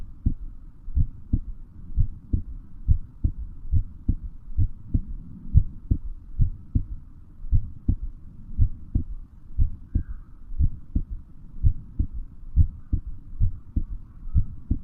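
Steady, regular low thumps at about 90 beats a minute with a soft hum underneath; an ordinary heartbeat.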